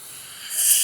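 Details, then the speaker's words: Simulated EMT demonstration of a nebulizer set up for albuterol and Atrovent on oxygen, usually run at 6 L/min: the oxygen flow is turned up and a steady, airy hiss swells louder; nebulizer hiss at high oxygen flow. "Now, if I were to crank this up, like sometimes this pops off depending on the neb chamber, and"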